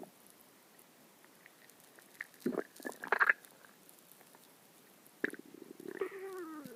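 Quiet room with soft gurgles, then bursts of squelching rumbles and a rising-falling tonal growl at the end: ordinary stomach growling (borborygmi).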